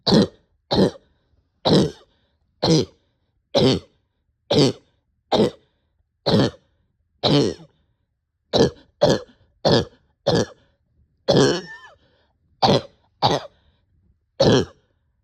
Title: Short of breath with barking cough